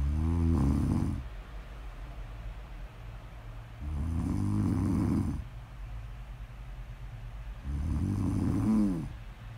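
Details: Snore audio ASMR: three loud, low, fluttering snores, roughly every four seconds, with quieter exhalations between them; steady rhythmic snoring.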